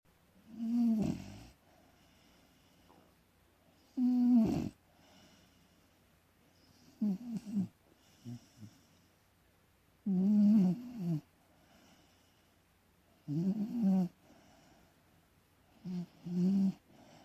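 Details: Beagle snoring while having a little sleep: intermittent snoring breaths with buzzing snorts and breaks between them, about 10 breaths a minute.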